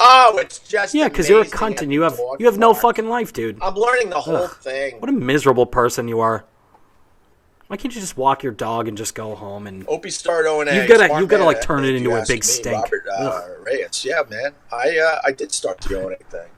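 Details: Adult male speaker; no disorder.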